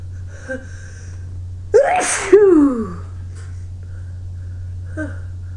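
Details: Person sneezing repeatedly from a tickling nose, with runny nose, watering eyes and sore throat: one loud sneeze, a sharp inhaled catch then a forceful burst with falling voiced tail, over room hum.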